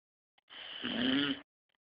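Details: Sleeping pit bull dog snoring with his tongue sticking out: a single snorting, rattling breath of about a second with a rough low nasal and throat buzz; dog snoring.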